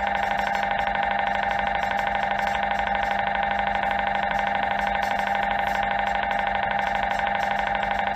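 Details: MRI scanner noise during an MRI scan: loud, steady, fast electronic pulsing buzz.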